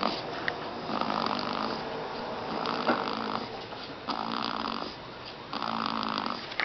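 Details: Soft, regular, raspy snoring on each breath in a noisy recording; light snoring.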